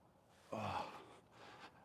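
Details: During a live chiropractic session on a 6-year-old barrel racing quarter horse, pressing its sorest spot on the left side just caudal to the withers: a sudden voiced gasp, then a softer breathy exhale.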